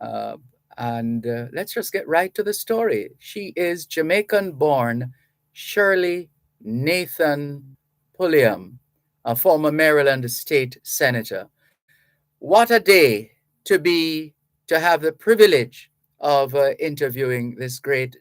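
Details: Adult male speaker; Normal fluent speech.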